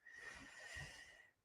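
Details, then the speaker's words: Someone lying under the speaker's feet snores during a live stream: a single faint, drawn-out breath with a low fluttering rumble, with a steady high-pitched whine underneath: snoring. "Rose can you hear snoring he's he's seriously under my feet snoring literally like I can't move my feet"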